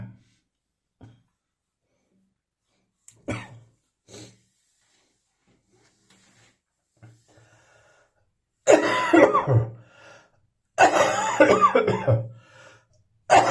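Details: Adult dry cough, now much drier than before: several short, harsh, dry coughs, some in quick bursts, with quiet breathing between.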